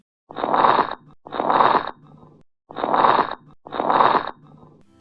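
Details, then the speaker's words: Teaching example of adventitious breath sounds arising in pleura and lung, listed as pleural rub, wheezes, crackles, during chest auscultation: crackles. "there are three types of abnormal breath sounds that arise in the pleura and in the lung frequently they're collectively referred to as adventitious breath sounds plural rub wheezes crackles"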